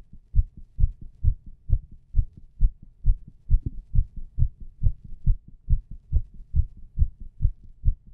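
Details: Own heart sounds recorded: regular low thumps of a heartbeat, about 68 beats a minute counted as paired sounds, steady rhythm; heart sounds.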